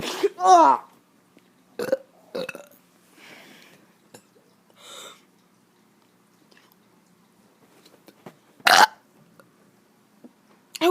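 Several loud voiced belches, one drawn out and one short and sharp, with quiet pauses between; deliberate burping.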